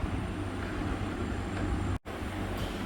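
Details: Entrusted Oxy Care Digi 5 LPM oxygen concentrator run above 5 LPM (purity drops to about 70–90% at 6–9 LPM): steady low mechanical hum with a brief pause near the end.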